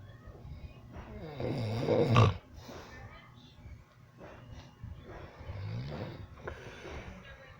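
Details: Rough, low rattling sounds on a breath around two seconds, then a quieter snort-like breath near six seconds; snoring.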